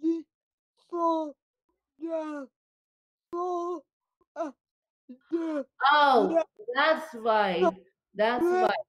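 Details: Dysarthria from cerebral palsy affecting limbs and brain in a female speaker; she reports speech more tongue-tied than usual after a bad spasm day.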